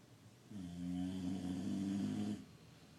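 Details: Snoring while another appears to sleep: a single drawn-out, low buzzing breath of about two seconds; snoring.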